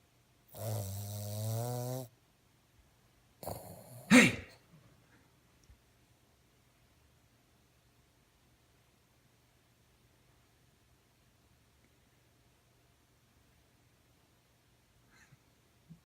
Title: Snoring puggle rudely awoken!!!